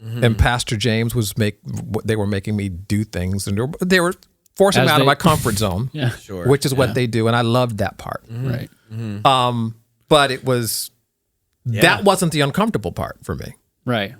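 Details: Adult male with a really bad stutter or stammer that he grew out of when young but that returned and worsened from his 40s, with blocks, repetitions and a clicking sound, worse in public: stuttering.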